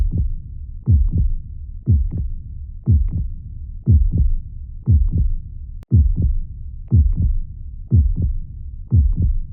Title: Soothing Heart Sounds to Calm Fussy Babies